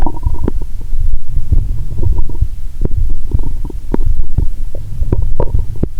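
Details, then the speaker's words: Stethoscope near the navel while lying down, after drinking cola and swallowing Mentos (1.5 L cola challenge): loud, frequent gurgling and bubbling, a loud groan about every 2.3 seconds; active bowel sounds, normal gut activity. "लगभग हर 2.30 सेकंड में एक बार, आपको एक तेज़ कराह👂 सुनाई देगी। मेरा पेट मुझसे कह रहा है, "मुझे अच्छा खाना दो, तरल पदार्थ नहीं!"🤔😂।"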